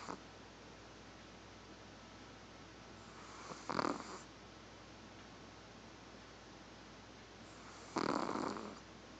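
Two short, rough snoring breaths about four seconds apart over steady background hiss.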